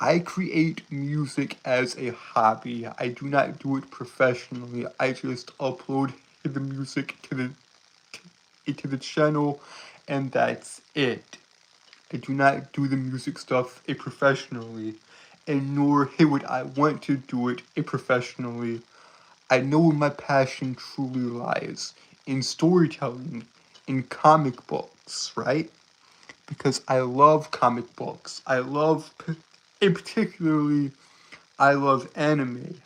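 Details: Male streamer who says he has a speech impediment causing him to stutter and trip over his words at any point; stuttering.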